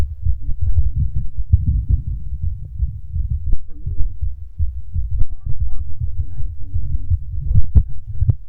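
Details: Male's fast heartbeat picked up by a microphone: rapid, muffled low thumping with rumbling handling noise.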